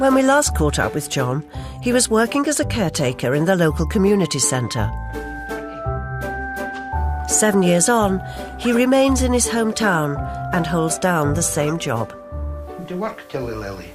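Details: Adult narrator; normal fluent speech.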